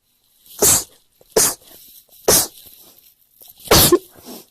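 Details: Girl sneezing: four sharp, explosive sneezes in quick succession, an ordinary sneezing fit.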